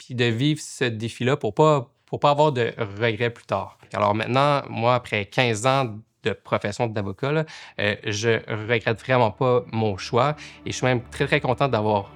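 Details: Adult male lawyer who stutters, French-speaking, who has practised law for 15 years while stuttering and reports blocks at work. Stuttering.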